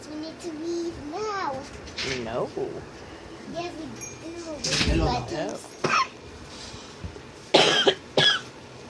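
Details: Child chatting in the morning, then several sharp, harsh cough bursts toward the end; coughing.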